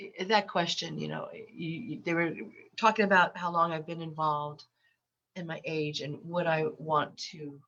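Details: Adult woman with lifelong stuttering, very repetitious, with eye closures, worse when unwell and since COVID, recorded while having a cold; stuttering.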